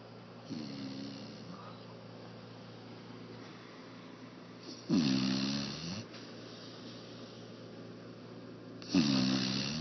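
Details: 4½-month-old Labrador puppy sleeping on his back in a lap, mouth open, with rhythmic rumbling snores on each in-breath, about 15 a minute, in a quiet room; snoring.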